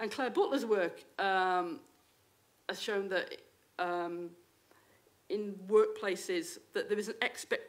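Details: Adult woman, a university lecturer who states she has a stammer; stammering.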